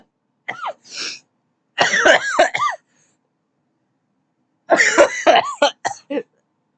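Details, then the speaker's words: An adult who has felt sick for a few days and thinks it is allergies gives three bouts of harsh, crackly coughing, several coughs per bout, in a quiet room. "first it was a sword throw then it was a lot of crispy coughs and then it was me projectile sneezing on everything"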